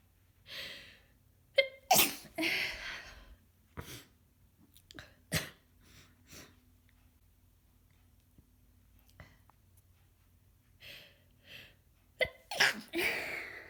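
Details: Person a few days into a heavily congested, snotty head cold: several sharp, wet sneezes, some partly stifled, with sniffing and breathy gasps between; a sneezing fit.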